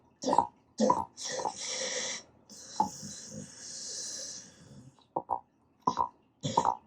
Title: Old Dog Making Weird Sounds While Sleeping, Dog Grinding Teeth? Dream Eating? Suckling? Dog Snores